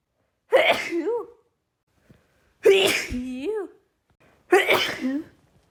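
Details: Woman's pollen allergy sneezing fit: three loud sneezes in quick succession about two seconds apart, each with a voiced tail; ongoing uncontrollable allergic sneezing.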